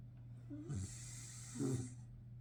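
Two soft snorting snores over a steady low hum, the nasal rumble of a sleeping flat-faced dog.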